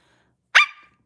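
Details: Vocal tic in a girl with Tourette syndrome during a late-night livestream: a single sudden, loud, bark-like vocal burst.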